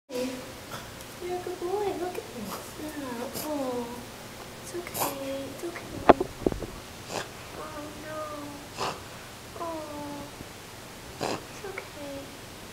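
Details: Repeated honking, snorting inward breaths in short runs from the dog Tibor, which began about a week earlier; first thought to be a cough, a vet identified it as reverse sneezing, stopped by rubbing his throat: reverse sneeze.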